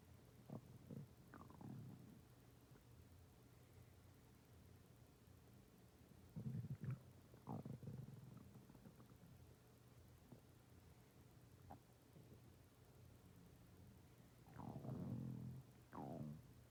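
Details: Stomach growling: irregular low gurgles and rumbles separated by quiet stretches, with soft room hiss, from gas and fluid moving through the gut.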